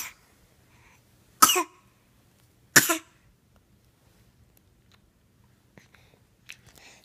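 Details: Person sitting and playing, recorded 1/2/15: episodes of coughing.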